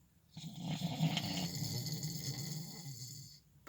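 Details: One long, rough, rattling snore of about three seconds with a low vibrating rumble, from a man sleeping at night, recorded from a truck; snoring.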